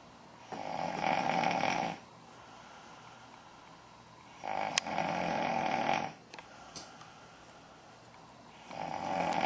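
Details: Snoring during sleep: long, rough, noisy breaths recur about every four seconds with quiet pauses between them; steady snoring.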